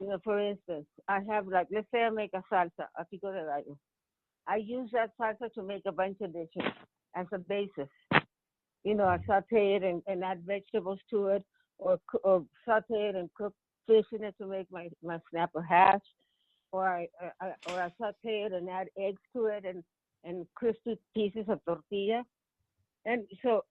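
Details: Adult woman with Parkinson's disease, symptoms since 1987 and diagnosed in 2004, who finds talking hard and takes singing lessons; Parkinson's disease speech with hypokinetic dysarthria features.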